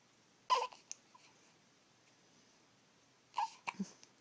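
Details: Hiccups recorded 3-7-14: two sudden, sharp, brief catches of breath with small follow-on sounds, about three seconds apart.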